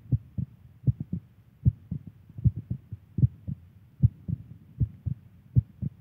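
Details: Adult woman's heartbeat: regular low paired thumps at about 77 beats a minute, a normal heartbeat.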